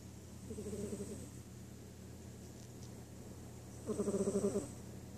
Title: My cat snoring